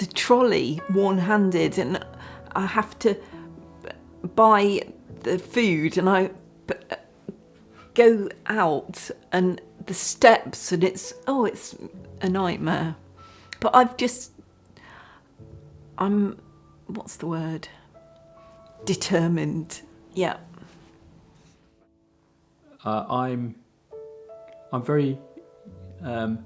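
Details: Woman with aphasia after a huge stroke about 9 years ago; she spent six months in hospital and at first could not speak at all; hesitations and fragmented phrasing; aphasia after stroke.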